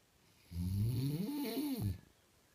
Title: Dad snores